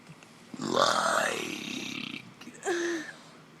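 A long, drawn-out voiced belch followed by a shorter second burp in a small room; deliberate burping.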